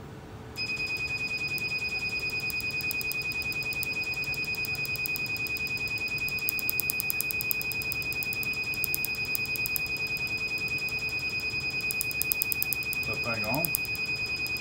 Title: 30 second tattoo removal 🔥😎 #shorts #tattoo #laserremoval #tattooremoval